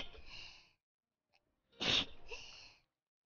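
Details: Female VTuber sneezing several times in a row during a livestream, part of a six-sneeze streak breaking her previous record: two sharp sneeze bursts with a short silence between, each followed by a breathy trailing voice.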